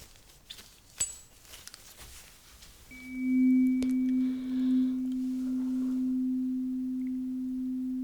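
A tap, then a pure, steady ringing tone that holds and slowly fades: a struck tuning fork used for a hearing test, in roleplay.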